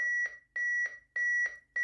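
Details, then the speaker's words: Public-access defibrillator demonstration after a delivered shock, prompting to begin CPR: steady, rapid electronic beeps about two a second, a metronome setting the chest compression rate of roughly 120 a minute. "beeps denote the rate that you should be compressing the chest for effective cpr"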